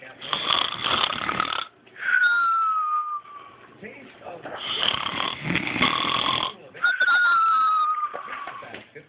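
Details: Snoring with a nasal whistle: loud rasping breaths alternate with a whistling tone over two full breath cycles.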